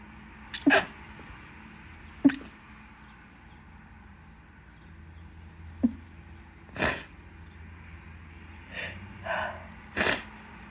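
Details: Person with an itchy nose during a bad pollen season gives several sneezes over about ten seconds, some wet and explosive, others muffled and deliberately stifled; sneezing.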